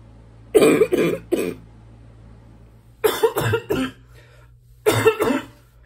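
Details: Adult feeling congested, possibly from allergies, coughing: three bouts of three harsh, loud coughs, nine in all, with a wet, congested quality, repeated chesty congested coughing.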